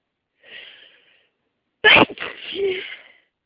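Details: Morning hay fever sneezing before taking antihistamine: soft wind-up breath, then an explosive sneeze with voiced trailing exhale; sneezing from pollen allergy.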